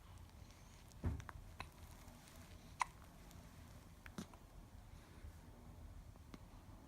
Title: Continuing hiccup